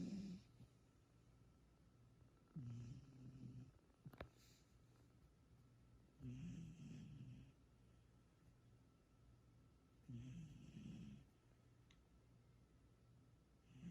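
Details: Female cat asleep and dreaming: soft, rattly snores about every four seconds, roughly 15 breaths a minute: gentle snoring.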